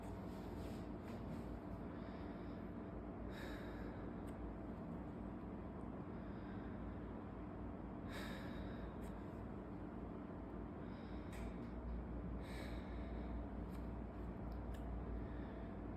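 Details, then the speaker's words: Indirect lung auscultation with the stethoscope diaphragm over the trachea, anterior chest, patient not speaking and breathing in and out on cue: normal tracheal breath sounds. "primeiro a gente começou pela região traqueal onde a gente aos cutos som traqueal"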